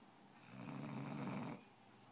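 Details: A single soft, buzzing breath lasting about a second over faint room noise from a basset hound: snoring.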